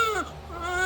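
A brief, high, tonal wail from a newborn just after birth; the baby's first cry.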